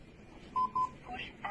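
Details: Two short, steady mid-pitched defibrillator alert tones from a LIFEPAK 20e during device demonstration, followed by the start of faint voice or prompt sounds.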